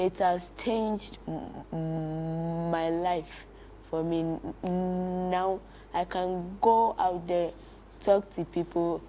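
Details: Child who stammers, a stuttering-camp beneficiary in Ghana, whose speech includes prolongations, repetitions and blocks: stuttering.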